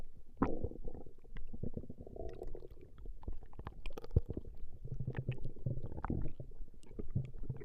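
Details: Stomach growling (borborygmi) in a woman, from a 20-minute recording: irregular low growls, bubbling and gurgles.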